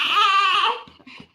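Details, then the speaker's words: Two-month-old baby crying at night around 2 o'clock, at the start of a crying spell: a high, wailing cry that trails off into softer whimpers; an ordinary infant cry. "நீங்க என்ன தூங்குற ஐடியாவே கிடையாதா? இப்பதான் வந்து கிரை பண்ண ஆரம்பிச்சிருக்காங்க."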